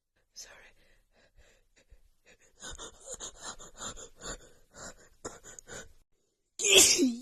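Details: Female holding back her sneezes and stifling them, which worsened the nasal tickle: a run of short, muffled sneeze bursts through the nose, then one louder full sneeze, building toward a rapid sneeze attack.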